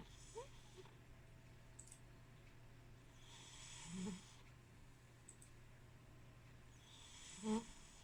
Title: My Snoring cat! He snores louder than hubby!